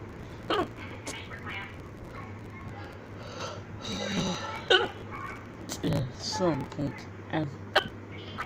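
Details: Hiccups: several abrupt, sharp gulping bursts at irregular intervals over a low room hum.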